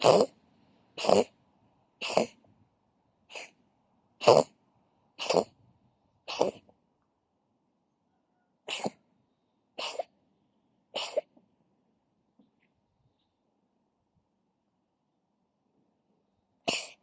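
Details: Pet cat coughing: a series of eleven short, sharp coughing bursts, about one per second, with pauses.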